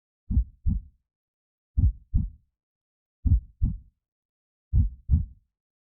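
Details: Heartbeat sound for baby sleep: clean, regular paired heart thumps at about 40 beats a minute, slow and steady; normal heartbeat used as calming sleep sound.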